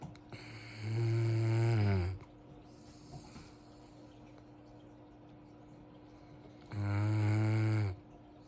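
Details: Two loud, low, rattling snores about six seconds apart from a sleeping dog, with a steady low hum in the background; snoring.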